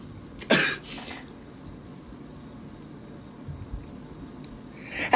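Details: Sneeze: a single sharp burst of breath through the nose and mouth against quiet room noise, followed by "bless me".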